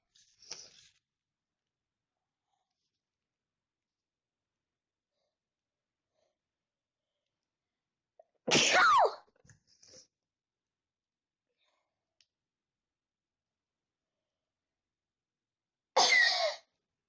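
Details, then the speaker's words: Sneezing during a sneezing challenge: two loud, sharp sneezes several seconds apart, with a faint breathy sound at the start. "You see how much times I'm sneezing? You hear the scream?"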